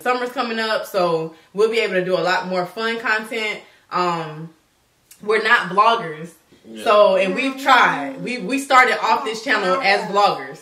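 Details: Adult woman speaking; normal speech.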